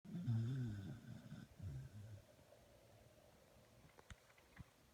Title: Rasta dog snoring.